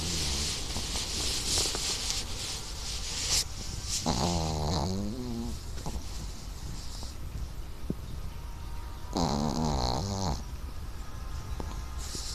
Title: Snoring Chihuahua